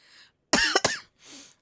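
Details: Two loud, harsh cough bursts close together with breathy sounds around them, from a person with a summer cold; cold-related cough.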